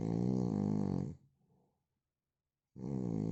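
Loud, buzzing snores on breathing in, separated by a silent pause.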